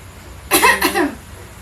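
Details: Nursing students demonstrating the effective cough technique: two firm, forceful cough bursts in quick succession, acted to show clearing of secretions; effective cough technique demonstration.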